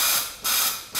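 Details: Non-invasive high-frequency jet ventilation via a soft-rimmed transparent face mask using a Paravent device with multi-jet generator, used for pulmonary edema, respiratory depression or respiratory insufficiency.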